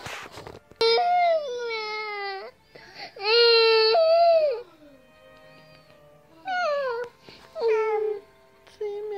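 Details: Infant crying: repeated high-pitched wails with short pauses for breath between them.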